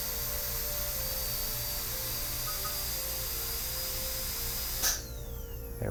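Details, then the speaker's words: Shrill, steady high-pitched whine of a high-speed dental handpiece (about 400,000 rpm) run after lubrication with gauze in front during maintenance, then cutting off; faint music behind. "now we attach our high-speed we're gonna run this again again make sure you have that gauze in front of there because it's gonna get everywhere"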